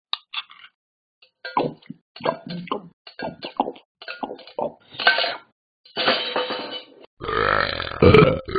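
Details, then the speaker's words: Repeated voiced belches from the Talking Ben the Dog app character, several short burps building to longer, louder ones at the end; a long burp. "woo that was a long burp"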